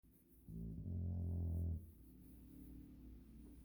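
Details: Sleeping pet dog: a single deep, rumbling snore lasting just over a second against quiet room noise; snoring.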